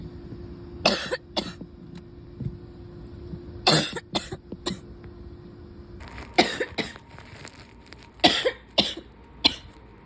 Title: July coughing compilation (sick towards the end!)